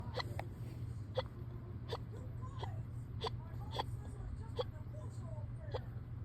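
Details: Person with hiccups on and off since the day before, this bout very fast but tame: tiny, quick catch sounds at a steady pace, about nine in six seconds, over a low hum; hiccups.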